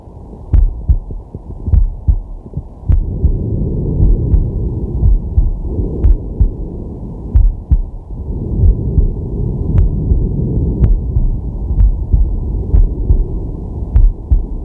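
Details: Male's heartbeat and breathing recorded with a digital stethoscope on the chest during a sleeping/relaxation session: steady, regular low lub-dub over slow, deep breathing noise; normal heart sounds.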